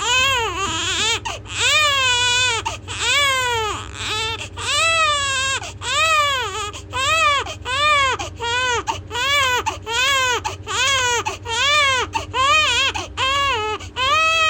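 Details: Loud, rhythmic infant crying in repeated wailing bursts, about 16 cries in 14 seconds, with short catch breaths between them; an ordinary infant cry.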